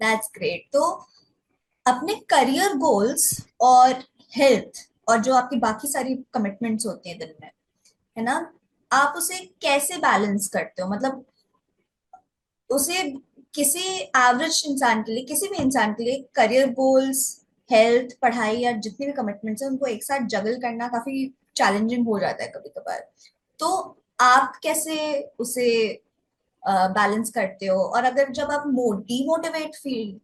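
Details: Adult woman speaking; typical speech.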